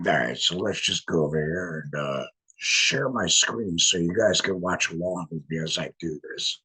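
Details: Adult laryngectomee speaking with a voice prosthesis in a tracheoesophageal puncture, pushing trapped air up through the prosthesis to vibrate muscle; tracheoesophageal (alaryngeal) speech.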